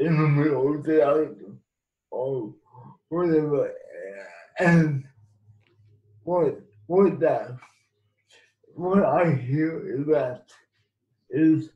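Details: Man with cerebral palsy; dysarthric speech in cerebral palsy.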